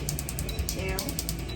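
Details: Brief run of rapid ticking snaps over a low hum: a tattoo removal laser firing pulses during a second removal session on an old tribal wolf tattoo, with numbing cream applied.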